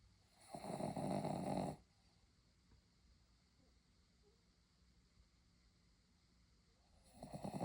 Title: This is a ridiculous amount of snoring